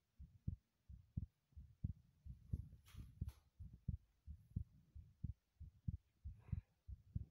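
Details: Heartbeat recorded while running in a bathroom: steady, deep thumping at about 88 beats a minute with a few brief hissy rustles; heartbeat during exercise.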